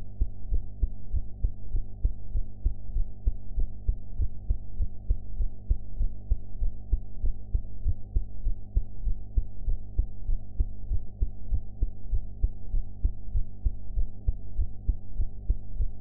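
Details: Heart sounds recorded after eating, sound quality enhanced; steady, regular low thumping at roughly 98 a minute under a heavy hum, an ordinary heartbeat.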